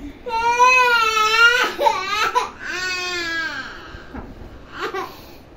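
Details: A young child crying in long, high, wailing bursts with catches of breath between them; ordinary crying.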